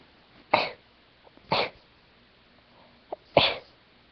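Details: Sneezing fit from a small animal, said to be caused by dust from room cleaning: three short, sharp, explosive sneezes about a second apart, with a small snort between them, in a quiet room.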